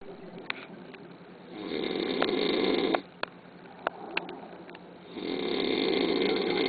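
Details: Very loud snoring: two long, loud, rough snores on the in-breath, separated by a quiet pause with a few faint clicks. Heavy snoring.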